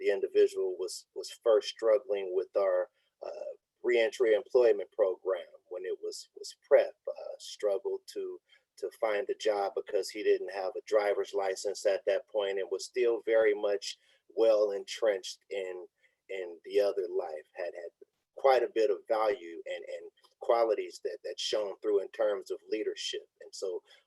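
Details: Man who says he has a speech impediment, with a cause he states that is unintelligible in the transcript; real, unacted speech at a live online event: speech impediment.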